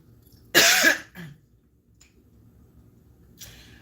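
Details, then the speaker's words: Adult woman whose voice is becoming hoarse: one harsh cough, then a brief throat clear and a faint later clearing, in a quiet room: cough with throat clearing. "As you can hear, my voice is getting hoarse right now as I'm talking to you."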